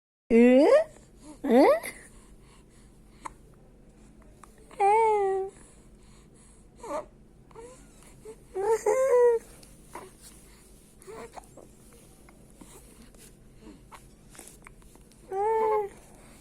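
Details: Infant with hiccups crying and fussing in short bursts with quiet gaps between them; an ordinary infant cry.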